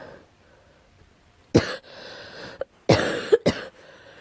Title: Girl coughing 333